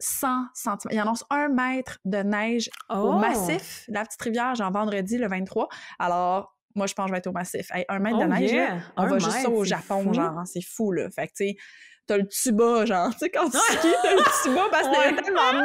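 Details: Adult woman speaking Quebec French; normal speech.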